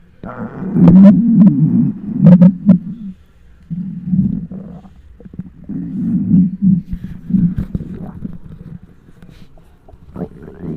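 Loud, long gurgling rumbles with bubbling pops, recorded close to the belly: hunger stomach growling, a normal gut sound.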